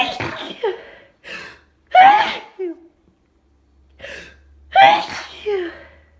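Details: Two sneezes, each a sharp inward gasp then a forceful burst with a brief pause, from a person whose allergies are flaring, nose itchy, feeling a sneeze stuck; rapid allergic sneezing.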